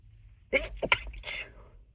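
A quick run of small, muffled sneezes held back through a closed mouth and nose, ending with a breathy hiss.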